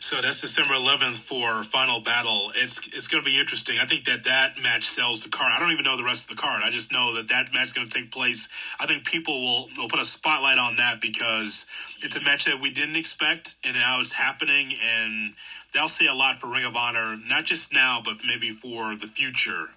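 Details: Adult male speaker; typical speech.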